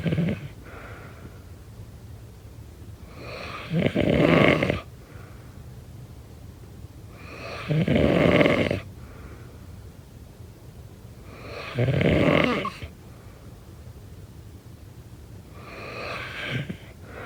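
Four loud, rough snores at a steady pace, about 14 breaths a minute, with quiet gaps between.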